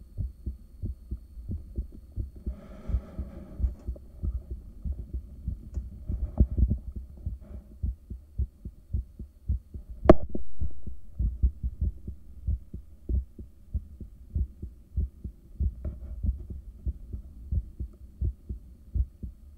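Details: Strong, steady, regular resting heartbeat recorded with a home ultrasound device in the early morning soon after waking, following caffeine and morning medication; deep thumps over a low hum, rate not high.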